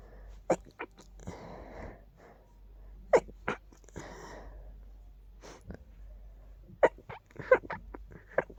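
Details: Sneezes blamed on dust, with itchiness: several short, sharp snorting bursts with sniffing and breathy snuffles in between, a run of sneezes.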